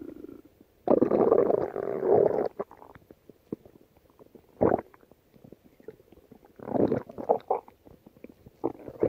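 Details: Loud gurgling stomach rumbles in bursts with quiet gaps: ordinary stomach growling (borborygmi).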